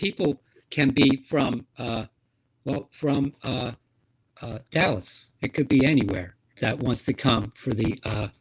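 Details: Woman with stroke-related aphasia, a member of an aphasia support group, whose speech shows word errors; aphasia.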